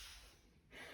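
Soft hissing airflow through the nose, one breath out then in, with one nostril closed; air moves freely, a normal nasal patency test with no blockage.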